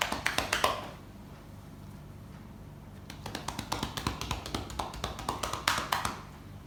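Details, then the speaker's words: Chest percussion on an adult male's back during an acted chest physiotherapy and effective cough demonstration by an anesthesia nursing student: rapid hollow clapping, about four claps a second in bursts. "Baik, Pak, selanjutnya saya akan melakukan gerakan kedua ya, Pak, yaitu gerakan perkusif."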